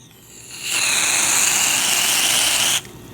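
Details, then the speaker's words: About two seconds of loud, steady hissing: an at-home wart freeze spray sprayed into a cone held on a podiatrist's finger as a demonstration. Bubbling follows, with a burning feeling on the skin. "there we are and it's bubbling in there I don't you could see the bubbling in there and I can feel a pretty good burn going on in my finger"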